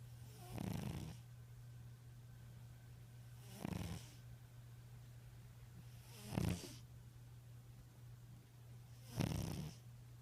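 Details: Sleeping tabby cat snoring: short snoring breaths, about four in ten seconds, over a steady low hum.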